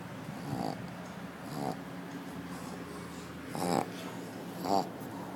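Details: Pug dog snoring while resting at an office: short snorting snores roughly one a second at first, noisy nasal and throat breathing over steady room noise.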